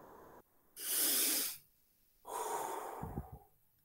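An instructor demonstrates one slow deep breath, drawn in through the nose and blown out through the mouth: the normal deep-breathing manoeuvre used for chest listening.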